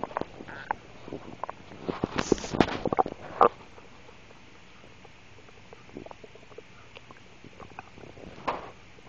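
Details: Adult woman's stomach noises (borborygmi): gurgling, bubbling abdominal rumbles, loudest early, then quieter intermittent gurgles.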